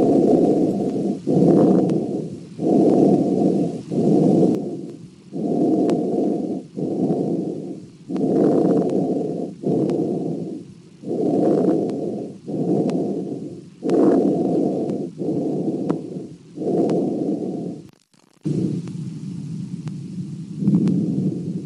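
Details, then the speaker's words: Harsh, coarse breath sounds through a stethoscope at about 22 breaths a minute, an abnormal lung auscultation finding. "et pour terminer sur cette vidéo nous allons écouter quelques bruits pulmonaire oh"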